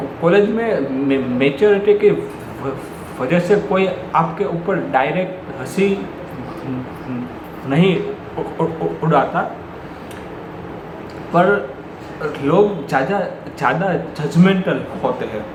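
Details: Adult man who stammers, with word blocks since school days and still blocking now; natural speech; stuttering.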